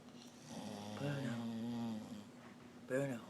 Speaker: Who's snoring? Who's making baby noises?